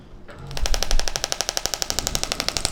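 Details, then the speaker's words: Radial shockwave therapy on the outside of a knee to reach deeper tissue, aimed at cartilage regeneration, at a level the patient finds tolerable, in a roughly five-minute treatment: rapid, regular sharp clicks, about ten per second, as compressed air drives a steel rod against the applicator head. "So when we apply this therapy, there is a steel rod on the inside of the device. The compressed air shoots that rod forward and it hits the back of the applicator head."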